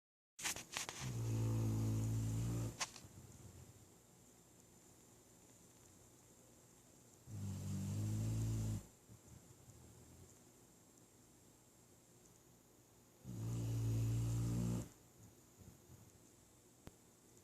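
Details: Three loud, low, rattling snores about six seconds apart, roughly 10 a minute, with quiet breathing between, from a sleeping dog: snoring.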